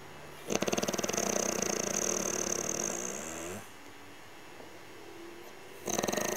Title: 2000 Laguna-Ray Snoring